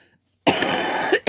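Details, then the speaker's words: Harsh, rough cough from an adult woman, ill with a worsening cold and coughing up phlegm: a single burst with a short second catch at the end. "I'm going to apologize now for any sneezing or sniffling or coughing that I might do like in a"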